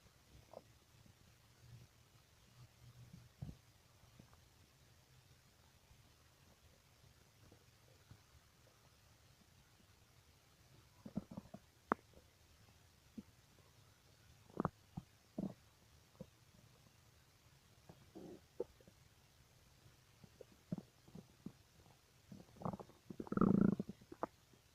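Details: Quiet, scattered abdominal gurgles and clicks with a louder rumbling gurgle near the end, described as strange stomach noises; borborygmi (bowel sounds).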